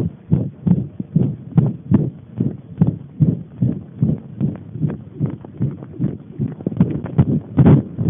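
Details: Heart sounds: rhythmic heartbeat at roughly 75 beats a minute, with paired lub-dub sounds and a faint whooshing between beats.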